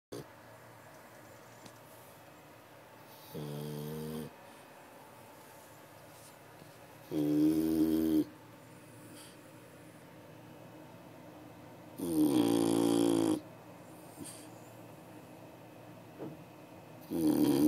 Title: Barto - Dog snoring